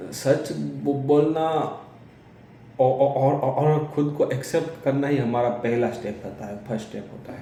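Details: Man who says he is a person who stammers, speaking Hindi; real speech; stuttering.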